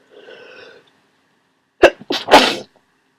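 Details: Person who woke up sneezing and congested with a cold; faint sniffly in-breath, quick catch of breath, then two loud, wet, explosive sneezes.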